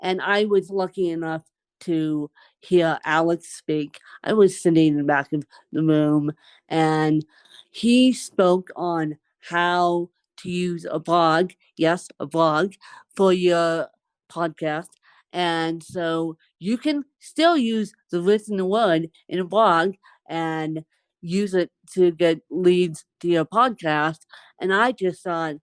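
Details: Adult woman who has lived over 30 years with cerebral palsy, speaking in an interview; dysarthria (cerebral palsy).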